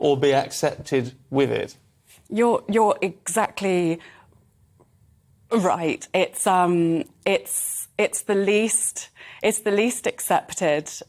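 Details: Adult woman who stammers, real; she attributes her stammer to a tiny fractional delay in the white matter around the brain's speech centres and regards it as her normal speech; stammering (stuttering).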